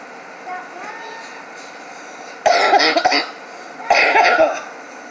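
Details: Adult cough while vaping and drinking an energy drink: two loud bursts of coughing over background room and traffic noise.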